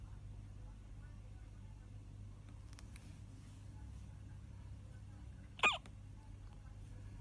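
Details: Hiccups in a baby: a single short, high hiccup against a steady low hum of room noise.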